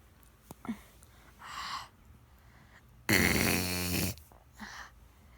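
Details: Young girl pretending to snore at nap time instead of sleeping after only four hours' sleep the night before: loud, rattling, snore-like snort on the in-breath with softer breaths around it; imitated snoring.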